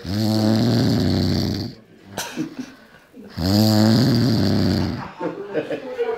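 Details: Drunk man snoring heavily in sleep: two loud, rattling snores on breathing in, with background talk and laughter between them.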